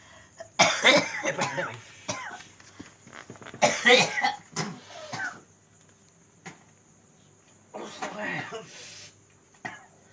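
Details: Three loud, harsh coughing bouts with throat clearing, separated by quiet gaps over faint room noise, from an adult man with a chronic cough of over 2 years; no disease was found despite medical treatment.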